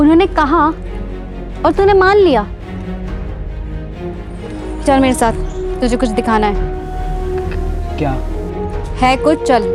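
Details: Adult speaker, acted scene; normal speech.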